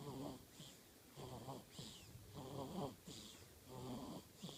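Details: Snoring during sleep: rhythmic rattling snores with a soft whistle between them, about 47 a minute.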